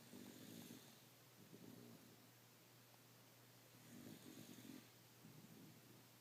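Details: Woman asleep, snoring: quiet, soft rumbling breaths recurring under steady room hum, light snoring.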